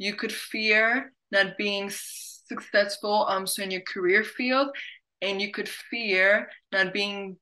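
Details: Adult who stutters, hosting a webinar on careers; word and phrase repetitions are audible; stuttering.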